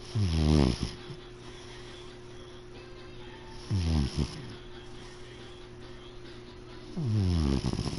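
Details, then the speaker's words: Sleeping pet cat recorded with the mic held close: short, rattling snores at about 18 breaths a minute over a steady faint hum; cat snoring. "my cat is snoring I don't know if we can hear it let me get the mic next to him [Music] mm-hmm asmer Kitty snoring"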